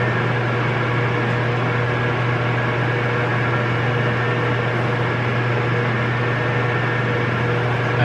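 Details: Steady loud rushing airflow with low motor hum from a VacStation extraoral dental aerosol suction unit running at full power during an aerosol-clearing test using vape smoke.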